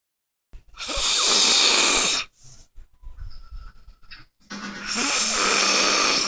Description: passed out snoring like a bear while she tickles my nose